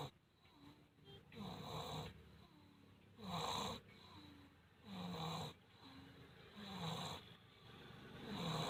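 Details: Snoring during sleep: rhythmic snoring at about 35 cycles a minute, with rough, fluttering breaths in and quieter breaths out.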